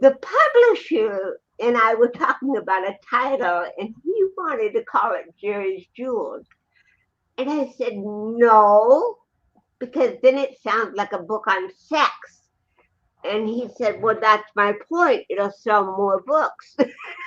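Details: Adult woman with cerebral palsy, who also has a 75% hearing loss and wears hearing aids, speaking in a real interview; finding: dysarthria (cerebral palsy).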